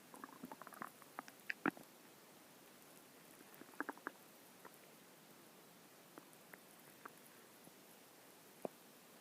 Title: My stomach growling